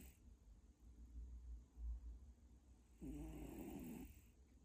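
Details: Cat snoring heavily in sleep, described as severe snoring: one low, rattling snore, with quiet breathing and room noise before it.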